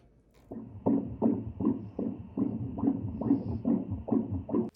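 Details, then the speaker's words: Fetal heartbeat on Doppler during a 3D/4D ultrasound at 33 weeks of pregnancy, third trimester: fast, rhythmic whooshing beats at about 140 a minute. "nasa third trimester na nga pala ako ay talagang tuwang-tuwa pa din ako tuwing maririnig ko nga ang heartbeat nga ni baby"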